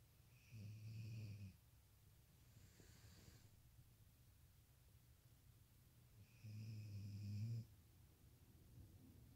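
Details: Sleeping dog snoring: low, fluttering snores on the in-breath, two about six seconds apart, with quiet breathing between.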